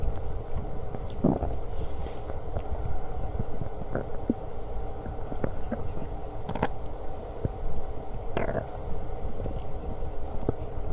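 Low rumbling and gurgling with occasional short bursts over steady background noise; ordinary stomach growling.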